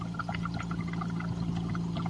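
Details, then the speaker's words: Owgels 10-liter oxygen concentrator running: steady low hum with whooshing, rushing air noise; normal but quite loud operating sound that can disturb sleep at night. "the noise or bear with it, but it's actually quite loud. So if you attempt to use this on a nighttime, make sure that you have earplugs, or if you can just bear with the noise, then okay, you can sleep."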